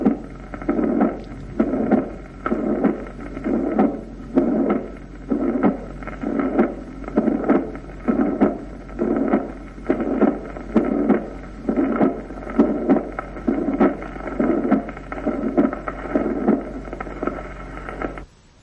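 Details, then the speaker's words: Mitral regurgitation: regular heart sounds near 66 a minute with a blowing pansystolic murmur, heard at the apex and radiating to the axilla and left scapula. "el soplo sistólico se oye en la punta y se irradia a la axila y a la escápula izquierda"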